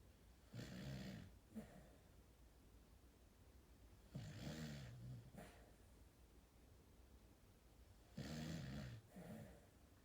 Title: 1166 Sheep Wall Snoring